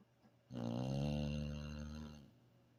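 A single long, low, rumbling snore lasting under two seconds from a sleeping dog; snoring.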